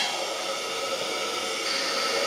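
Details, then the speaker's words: Vortran automatic resuscitator for MRI/CT on gas flow at 15–25 L/min, end occluded to check the manometer moves: steady hiss with no clear breath cycles. "then I want to olude the end and make sure that monometer is moving as long as that monometer is moving the bar or the portra automatic recess or automatic bag is actually operating"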